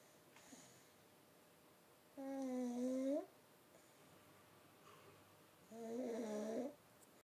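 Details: Snoring during an afternoon nap: two whistling, tonal snores about a second long, pitch wavering, roughly 17 breaths a minute, against quiet room hiss.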